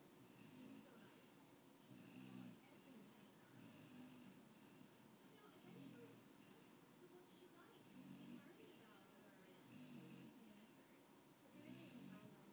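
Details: A pitbull, American bulldog and boxer mix dog snoring softly and regularly while asleep on a couch, about 17 breaths a minute over steady room hiss.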